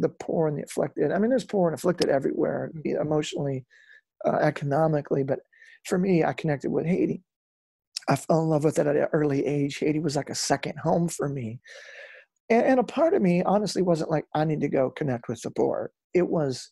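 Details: Adult male former rock lead singer with incurable spasmodic dysphonia, which began at the height of his singing career and was first taken for hoarseness; doctors could not fix it; still affected and audible in his speech; spasmodic dysphonia.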